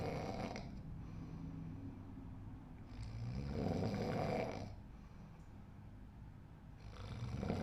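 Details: Loud, deep, rumbling snores on each breath in, likened to a tiger's sound, with quieter pauses between; habitual snoring.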